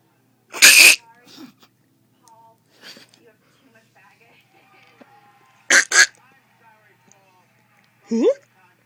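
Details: A sharp sneeze, then a quick double sneeze, in a quiet room with brief voice sounds between.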